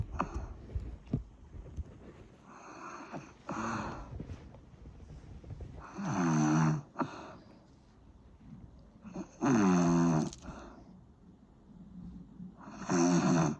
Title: Snoring sound